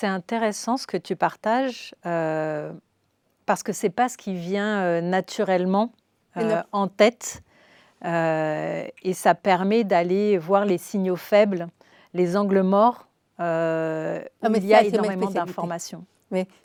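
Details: Adult woman speaking French; ordinary speech.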